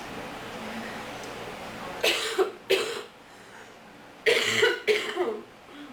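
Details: Four harsh cough bursts in two pairs with a quiet gap, acted by someone playing a person sick with allergies.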